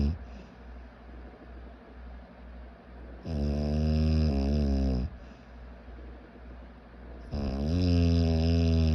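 Loud, rough, buzzing snores on each in-breath, about two in nine seconds, with quieter breathing between; heavy snoring.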